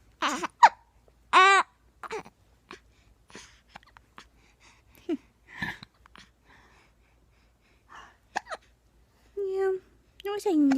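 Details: Baby with hiccups, unhappy: repeated short, sharp voiced catches at irregular intervals, with brief fussy baby sounds between; hiccups.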